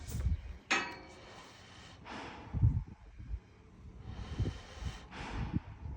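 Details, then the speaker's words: Loud, deep, rushing breaths and snorts through a nebuliser mask once the vent is closed, from a mare with asthma who sounded tight in her breathing before treatment; heavy breathing through a nebuliser mask. "Soon as you notice the vapor, close the vent. Soon as you close the vent, you'll hear a breathing really heavily to get the air in."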